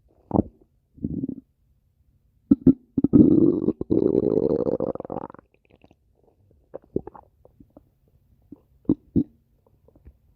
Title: stomach growling 23